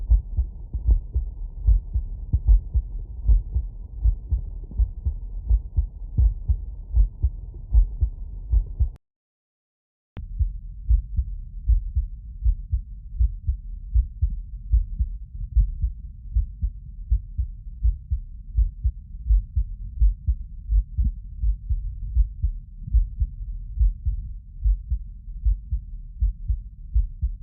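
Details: Normal heart sounds: regular low heart thumps heard through a stethoscope at about 78 beats a minute, a normal heartbeat.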